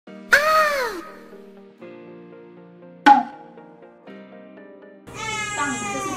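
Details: Newborn baby boy born on New Year's Day after labour under 5 hours, reportedly 3700 g: three short, high-pitched wails over soft background music, an ordinary healthy newborn cry.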